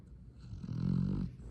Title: Loud snoring dog